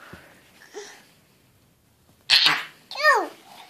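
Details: Infant sneezing: a single sudden, loud sneeze followed by a brief cry-like vocal sound.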